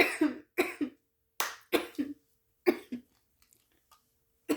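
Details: Woman coughing throughout while talking: several short harsh coughs in quick clusters, about eight bursts in a few seconds.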